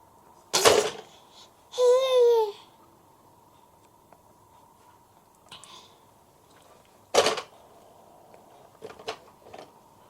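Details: Happy, babbling baby sitting waiting for breakfast to cool gives two sharp, sudden sneezes with a short babble between, in a quiet room: infant sneezing.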